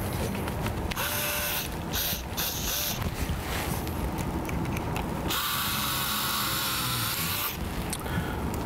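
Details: Talonavicular fusion demonstration with Stryker VariAx 2 plate: power drill whirring in bursts with grinding and clicking while placing a navicular screw, directed to avoid the distal navicular's convex surface.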